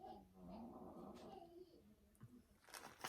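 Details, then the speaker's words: Snoring heard in the background during a conversation. "if you can't hear that it's just snoring okay"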